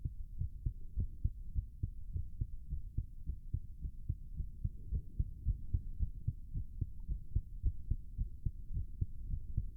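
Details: Steady quick low thumps about 110 a minute with heavy breathing; a male's racing heartbeat while holding a plank, a fast heartbeat during physical effort.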